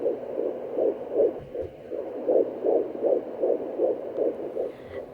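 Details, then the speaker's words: Home fetal Doppler at 13 weeks 4 days of an IVF pregnancy: rapid, regular whooshing pulses of the fetal heartbeat at about 160 beats a minute. "usually a good heart rate is around it's something between like 140 to 160 oh it's quite fast"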